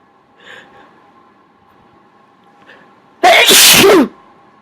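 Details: Faint breathy catches, then one loud explosive sneeze, deliberately triggered by tickling the nose with a Q-tip (cotton swab).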